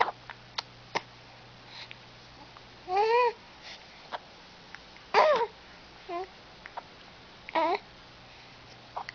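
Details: Smiling baby girl with hiccups: short sharp hiccup sounds recurring irregularly between soft baby coos and vocal sounds in a quiet room.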